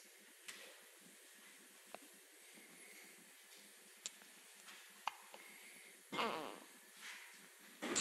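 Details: Baby's first hiccups: soft, sharp little clicks at irregular intervals, normal infant hiccups.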